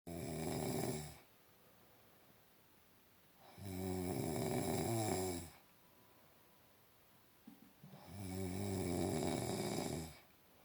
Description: Asian who snores very loud